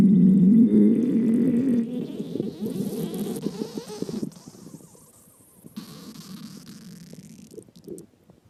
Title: Stomach Growls 6